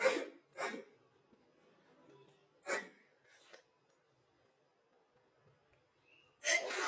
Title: girl have early stages of flu sneezing while about to take selfies (slow ver.)